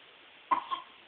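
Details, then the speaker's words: Infant boy with his first cold gives a single short, sharp cough with a brief second catch, against quiet room noise. "oh no that's a sick baby huh yeah oh where you going I'm"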